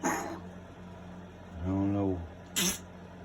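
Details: Eleven-year-old pet dog with constant, persistent episodes the owner guesses are coughing, cause unknown: two short, harsh, explosive bursts with a brief voiced sound between them, repeated coughing.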